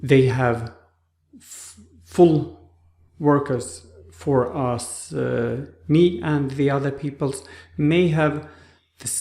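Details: Aphasia after stroke in an adult man in rehabilitation with therapists; speech like a two-year-old's on waking after the stroke; trouble finding names and words.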